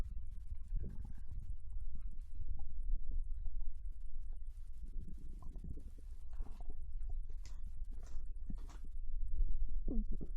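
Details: Japanese girl lying on her side in bed after eating ramen: deep, irregular rumbling and gurgling with occasional higher squeaks; normal digestive bowel sounds (borborygmi).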